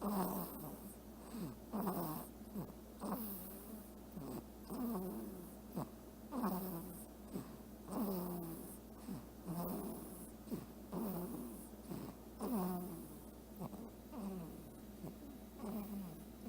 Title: What Do Princess Snores Sound Like?